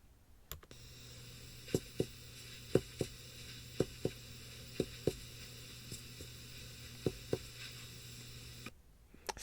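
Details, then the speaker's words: Chest percussion over the right lower lung base, where breath sounds are decreased, gives short, flat thuds. Dullness to percussion, with pleural effusion versus consolidation weighed. "again some dullness to percussion in that right lower love so again we're back to this dullness to percussion and we want to use our differentiating maneuvers to decide if it's a consolidation or a pleural effusion"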